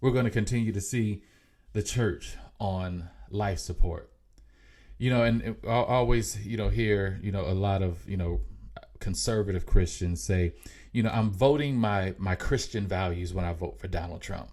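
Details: Mild, self-reported stuttering in an adult male podcast host, who says it can be heard in his speech.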